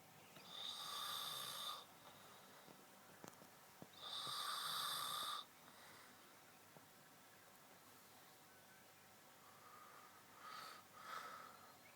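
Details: Son snoring very loudly during sleep: loud, rasping, hissy breaths every few seconds, about 17 a minute, with quiet gaps between.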